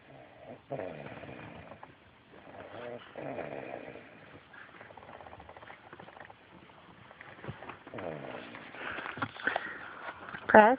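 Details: Snoring during sleep: rough, rattling breaths drawn in at intervals, with some room noise toward the end; ordinary snoring.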